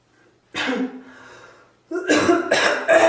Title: Bathroom Coughing Fit